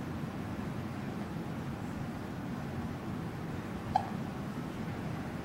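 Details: Day 2 hiccups: one short, sharp hiccup over steady room noise.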